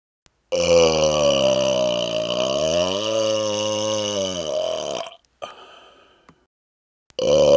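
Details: A long, loud, voiced belch of about four and a half seconds wavering in pitch, then breathy exhaling; a deliberate smoky burp (eructation).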